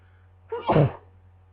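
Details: Person with a cold sneezing in bed: a single sudden sneeze, short intake then an explosive burst.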